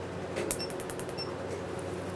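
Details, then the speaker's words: Revlite multi-wavelength Q-switched laser firing a second test spot at higher fluence on a never-treated, single (not cover-up) black tattoo at first treatment: rapid train of sharp snapping clicks over steady room hum. "I'm going to wait for the beep for the laser to tell me it's ready to go and I'm going to do another test spot adjacent to the first 3 2"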